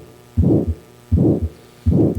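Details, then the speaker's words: Aortic stenosis murmur, demonstrated in a talk on assessing children with heart murmurs: heartbeat about 80 a minute with a harsh crescendo-decrescendo systolic murmur between the heart sounds, described as radiating to the neck. "Y es un soplo de características muy particulares eso es un soplo en banda Okay no importa qué maniobra le pidamos al paciente que haga no va a desaparecer un soplo de insuficiencia mitral es muy similar el soplo de estenosis aórtica es creciendo decreciendo"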